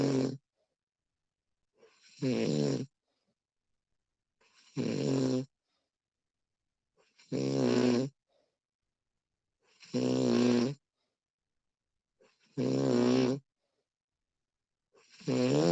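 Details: Female snoring during sleep, professionally recorded: regular voiced snores on breathing in, about 23 a minute, with quiet pauses between.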